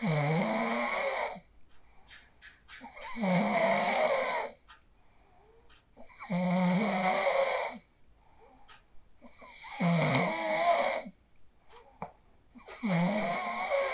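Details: Person asleep after practising the 4-7-8 breathing technique, recorded on a phone: loud, vibrating snores on each in-breath, about 19 a minute, with quieter breathing noises between.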